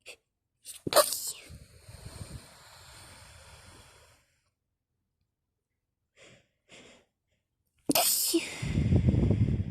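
Two loud explosive sneezes with wet, snotty nasal sounds and noisy breathing between them.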